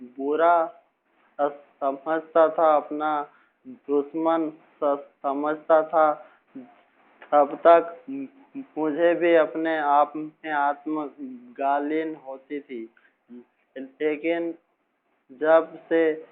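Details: Stuttering in an adult male teacher who has stammered since about age six, speaking Hindi after coming to accept his stammer; he still stammers somewhat now.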